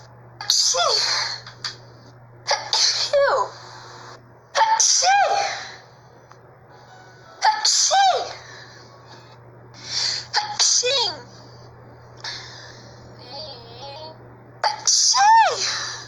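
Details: Series of about six loud, sharp sneezes, each with a quick breath in before it, over a low steady hum; sneezer remarks on not having sneezed in a long time.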